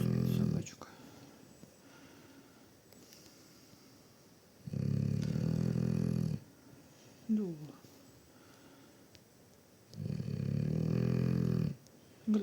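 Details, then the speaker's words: Dog sleeping under a Christmas tree, snoring: about three loud, rough, low rattling snores with quiet gaps, faint room sounds behind. "Вот так у нас Боренька храпит. Да, Борь."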